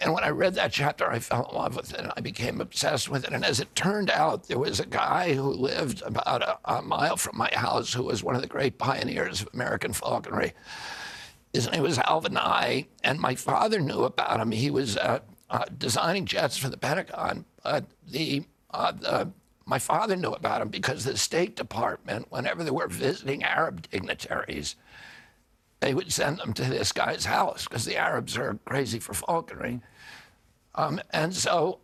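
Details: Adult man with spasmodic dysphonia (he calls it spasmodic dystonia), a neurological disorder that began at age 42 after a 1996 injury. His vocal cords are uninjured. Surgery in Kyoto about eight months earlier made his voice more reliable; he is now trying alternative therapies.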